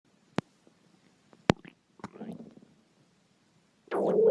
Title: my hungry stomach growling